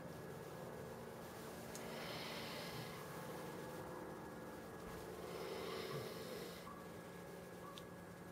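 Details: Very mild (level 1) snoring during sleep: two soft, noisy, slightly rasping breaths about three to four seconds apart over a steady room hum.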